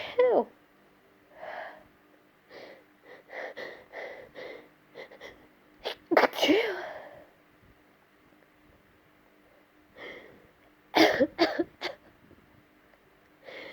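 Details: Woman's morning sneezes, tickled out with a hair pin: several short, catching inward hitching breaths build up to sharp sneezes, then another group of rapid sneezes later.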